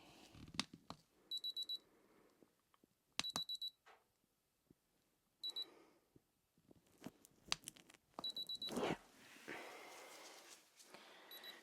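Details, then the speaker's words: Ear thermometer beeping in an acted ASMR emergency exam of a feverish patient with suspected kidney infection, checked in both ears, reading 39: several short high-pitched electronic beeps among handling clicks and rustles. "Alright, you just keep nice and still. Okay. You'll just hear a little beep or two."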